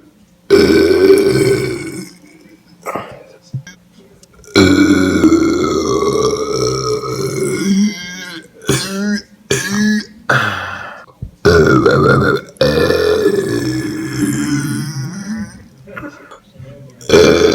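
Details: Several long, loud, deep-voiced belches one after another with short pauses between them: repeated burping.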